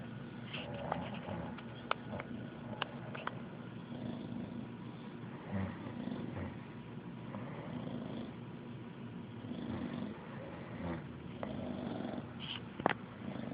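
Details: English bulldog napping: steady low, rattling snoring rumble with a few faint clicks and room noise.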